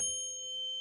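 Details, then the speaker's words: Tuning fork used in hearing tests: a struck tuning fork rings with a steady, pure mid-pitched tone and faint overtones. "so if the left ear was the problem ear the patient would hear the tuning fork louder in the right ear the the good ear"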